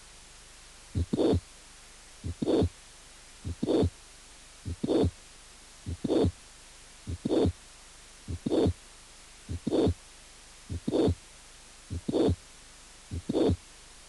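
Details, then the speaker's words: Mitral regurgitation from mitral valve prolapse: regular heartbeat at about 50 a minute with a mid-to-late systolic murmur. "insuficiencia mitral mes o tele sistólica prolapso"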